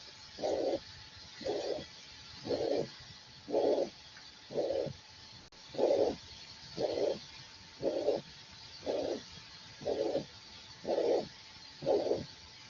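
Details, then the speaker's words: Mitral regurgitation: regular blowing systolic murmur with each beat at about 60 per minute, distinct from mitral stenosis. "¿Se está escuchando o no lo están escuchando? Un soplo sistólico hermoso, ¿no?"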